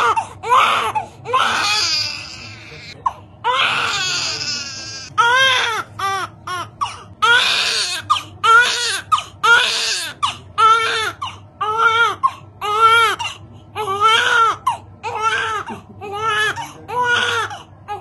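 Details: Repeated loud cries in short bursts with brief gasps between from a newborn boy on hospital day 2 during a sponge bath before discharge; newborn crying.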